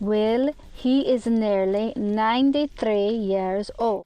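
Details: Foreign accent syndrome in an American woman with sudden onset, not faked; this rare condition often follows a stroke or other brain injury, and she later regained her previous accent.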